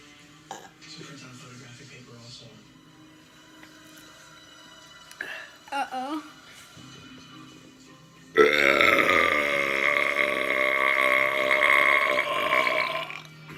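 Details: A young boy, challenged by his father to a burping contest, lets out a long, loud, drawn-out deliberate belch lasting several seconds amid soft voices.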